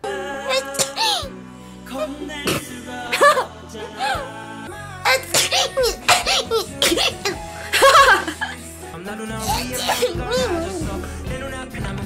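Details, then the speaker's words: Several short, oddly voiced sneeze bursts over background music. An unusual-sounding sneeze. "아 나 왜 이렇게 제책이 이렇게 나오지 진짜 미치겠네 진짜. 나 감기 걸렸나?"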